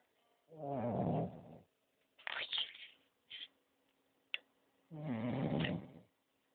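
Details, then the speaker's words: Sleeping French bulldog snoring heavily: two fluttering, vibrating snores with short snorts and sniffs between, in a quiet room. "Homer, oye, deja de roncar, que estás roncando mucho."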